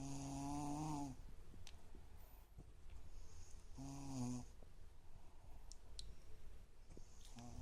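A high, whistling, almost musical snore with each breath, roughly every three to four seconds: snoring with an unusual tonal quality.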